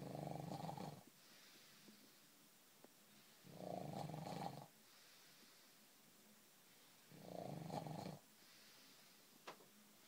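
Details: Man who says he doesn't snore: three rough, rumbling snores, one about every 3.5 seconds, with quiet breathing between them.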